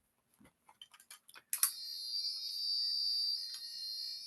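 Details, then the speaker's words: Dolphin Neurostim point stimulator: a few soft clicks, then a sustained high-pitched tone with light signalling an acupuncture point has been found. "So I need to see this light go off. I need to see this light go off, and I need to hear the tone."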